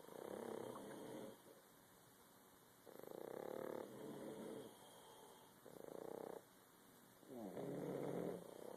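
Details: Exhausted son and two Boston terriers snoring together on his first night home for Christmas: slow rhythmic rattling snores, about four in nine seconds, rough fluttering on in-breaths with quiet pauses.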